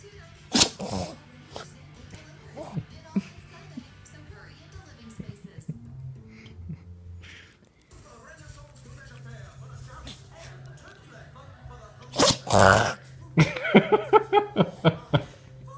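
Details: Puppy with an itchy nose sneezing; the owner wonders whether it is allergies. A few short, sharp, honking sneezes with music and quiet talk in the background.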